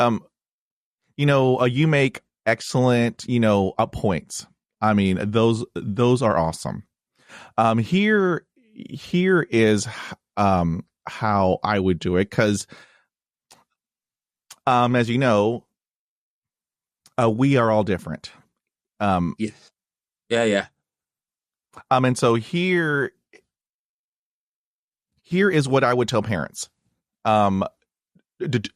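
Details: Adult man with lifelong stuttering; stuttering.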